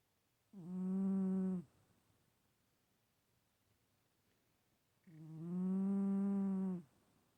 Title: Stache cat snoring...again